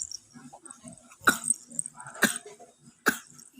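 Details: Young child, watched by an older brother, told to cough, then really coughing: three short, sharp coughs about a second apart, with faint room sounds; voluntary cough.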